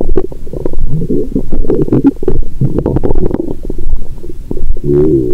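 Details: Adult woman's abdomen, period due that day; active bowel sounds.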